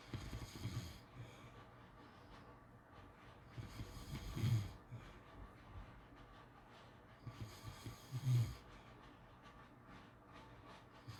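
Low rattling snores on the in-breath, about three in eleven seconds, with quiet breathing between and faint room hiss; ordinary snoring.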